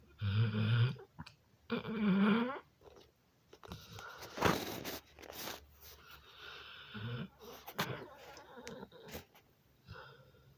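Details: Dog snoring: a few low, raspy snorting snores early on, then irregular snuffling and rustling noises.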